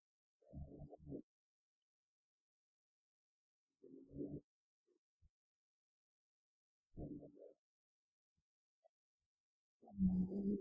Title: いびきをかいて寝る猫 Cats sleep snoring